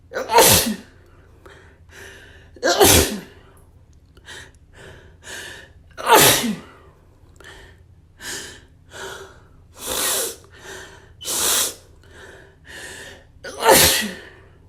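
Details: Run of about nine to ten sneezes triggered by dust, some forceful, some softer, each with a quick indrawn breath; repeated sneezing.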